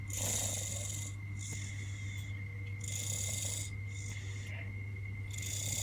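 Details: Snoring during a cold: rhythmic, rasping, hissy snores with a steady background hum, suggesting nasal congestion.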